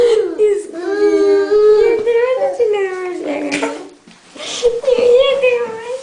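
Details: Baby startled by his father's snoring: loud rising and falling wails with short breaks and whimpering; infant crying in distress.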